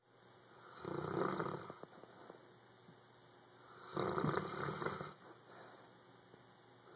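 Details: Animal snoring while sleeping and dreaming, twitching: two loud, rumbling breaths about three seconds apart with a rattling vibration, over quiet room noise.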